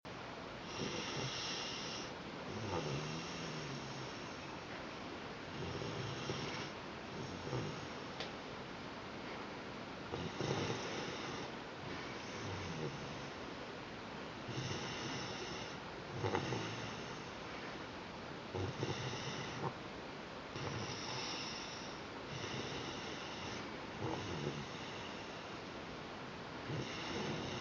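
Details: Repeated harsh, snore-like noisy breaths with a squeaky tonal edge: inspiratory stridor from laryngomalacia.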